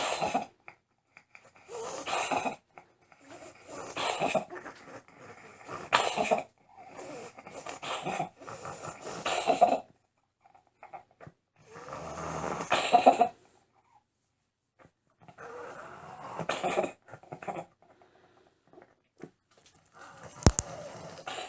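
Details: Cat with a tumor at the back of the throat, breathing worsening: harsh, rasping breaths in noisy bursts, noisy upper-airway breathing (stertor/wheeze).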